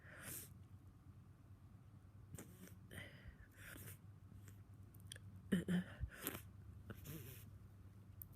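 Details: Congested person, snotty and sneezing all day after waking: several short, muffled, stuffy sneeze bursts with sniffing between them over steady low room hum.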